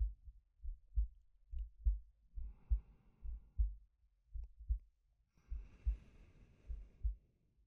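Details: Male ASMR sleep-aid recording of soft, regular low heart thumps near 68 a minute with slow, quiet breaths rising and falling behind them; normal heartbeat with breathing.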